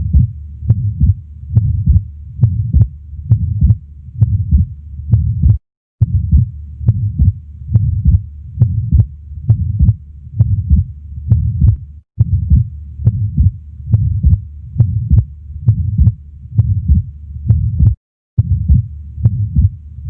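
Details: Atrial septal defect murmur heard at the left base (left upper chest): regular heartbeat around 69 per minute with a soft murmur on auscultation.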